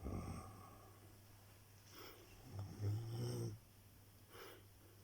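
Quiet irregular snorting breaths with a low hum in the background; snoring in a sleeping dog.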